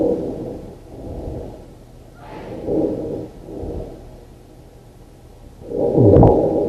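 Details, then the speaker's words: Sleep study recording, first night, played back from a Medibyte report: low rough snoring on both inspiration and expiration; inspiratory and expiratory snoring. "so that's inspiratory and that's expiratory"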